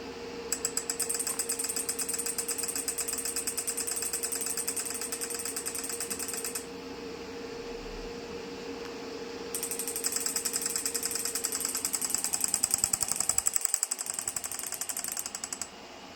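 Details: Rapid buzzing trains of sharp mechanical clicks in two bursts with a pause between: the Physiwave MT685 dual-handle 6T magnetic stimulation physiotherapy device for pain relief pulsing during an operation demonstration.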